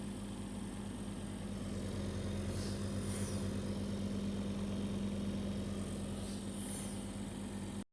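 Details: Portable home oxygen concentrator, model ZYA1/ZYA2, running with a nasal cannula and oxygen concentration shown at 90–93%: steady low motor hum with a constant drone and faint airy hiss; normal operation.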